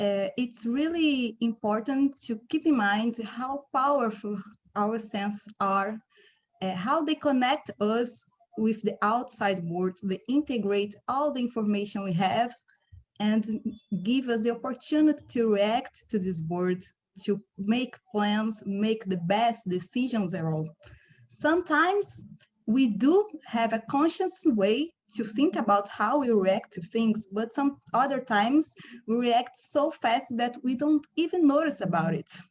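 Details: Adult woman; ordinary speech.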